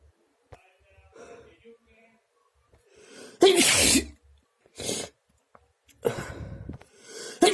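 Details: Three forceful, explosive sneezes with quick breaths drawn in before them; repeated messy sneezing.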